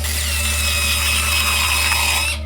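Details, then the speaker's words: Dental drill drilling into a tooth during a root canal: a high-pitched steady whine with a low hum underneath. "Now, if you've never seen one done before, brace yourself, because this is a root canal. They drill into your tooth,"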